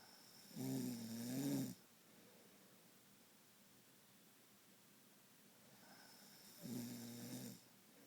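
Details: Loud, rough, rattling snores about six seconds apart with quiet breathing between, steady sleep rhythm of about ten breaths a minute: nightly snoring.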